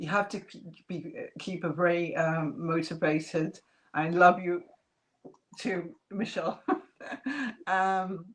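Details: Adult woman, real case, residual aphasia with slight remaining speech impediment after multiple strokes in 2012–2013 (two hemorrhagic, three ischemic); initially lost ability to speak, then relearned it.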